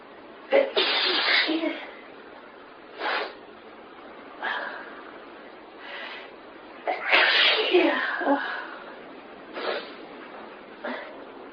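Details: Sneezing fit: a run of about seven loud sneezes in close succession, some with sharp gasping in-breaths between them.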